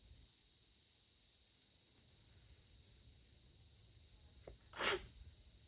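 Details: Suppressed sneezing at night, sneezes covered with a light blanket, during a long fit of 32 sneezes: one brief stifled sneeze with a soft intake before it, in a quiet room.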